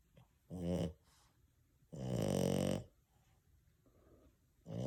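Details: Sleeping French Bulldog: loud, rumbling snores, long harsh breaths separated by quiet pauses; snoring.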